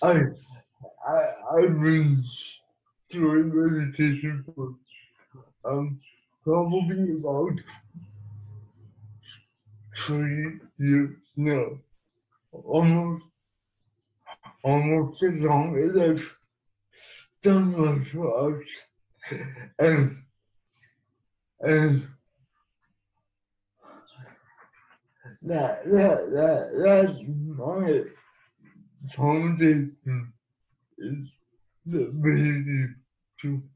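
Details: Man who has lived with cerebral palsy for 37 years and uses a wheelchair; speech impairment not named, inferred from largely failed automatic transcription; dysarthria (cerebral palsy).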